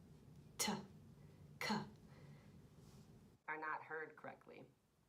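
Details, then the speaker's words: Two sharp hissing bursts, then muffled speech with crisp high sounds such as "sh" removed, simulating distorted, muffled hearing from noise-induced hearing loss; simulated, not a real patient. "noise induced hearing loss can cause tinnitus an annoying ringing or constant buzzing in the ear sounds can also be distorted and muffled with uncertainty about various aspects of speech such as plurals and past tense"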